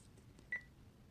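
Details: Single short electronic beep in a quiet room from a keypad button press while programming a Baxter peritoneal dialysis machine during setup (10 L total volume, 10-hour therapy, 2 L fill volume, 1.5 dextrose bags).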